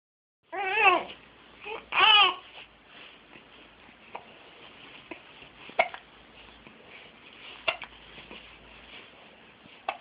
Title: Yelling at his hiccups